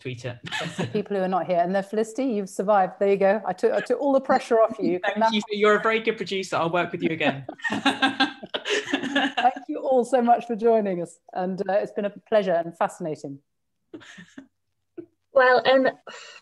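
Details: Adult speaker; fluent speech.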